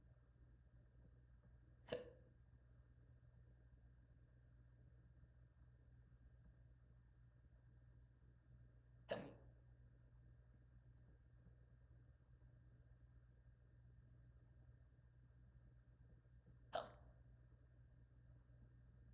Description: i got the hiccuupppsss